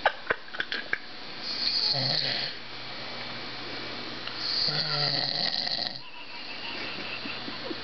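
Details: Adult man passed out drunk, snoring: two loud, rough, rattling breaths drawn in while asleep, with some clicks and room noise.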